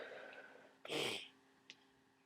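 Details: Single sneeze near the end of a cold with lots of thick congestion: a short breathy build-up, then one loud explosive blast of air through the nose and mouth.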